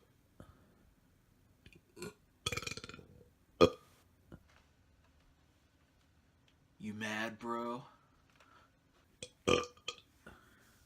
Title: Burp-O-Matic (Belch Montage 9)